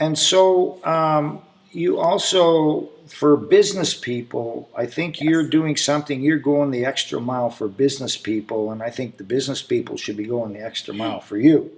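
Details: Adult male speaker; ordinary speech.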